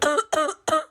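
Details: Acted cough in a comedy skit, a boy's cough blamed on the air conditioning before he is taken to a doctor: three short, harsh cough bursts in quick succession; simulated cough.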